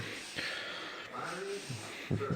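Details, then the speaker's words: Bullmastiff recovering after a bout of reverse sneezing: harsh snorting inward breaths, worrying to hear but harmless, settling with reassurance. "This is reverse sneezing that I was talking about."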